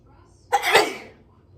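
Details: A single forceful sneeze from a clip on sneezing nonstop: a sharp burst of air with a brief voiced onset, in a quiet room.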